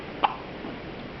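A single short, sharp catch of breath with a faint click, standing out against quiet room noise: one hiccup from a child.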